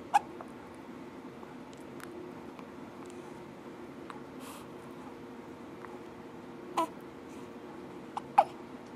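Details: Baby on his second day with hiccups after a big meal: soft, abrupt little catches of breath a few seconds apart over quiet room noise.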